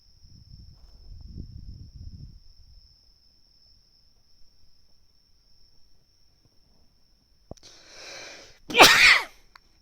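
A single loud, explosive sneeze preceded by a brief intake of breath, with a steady high-pitched whine in the background; an ordinary sneeze.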